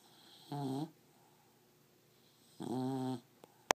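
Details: Beagle dog snoring; two low, buzzing, tonal snores about two seconds apart in a quiet room.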